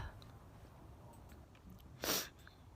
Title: The Sneezing Sniffler - ShOrt and PrOlOngEd